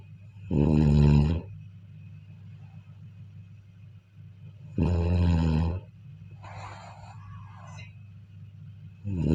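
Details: Sleep recording of a person snoring: deep, loud rumbling snores on each breath in, about 14 a minute, with softer breathing out between, over a steady background hum.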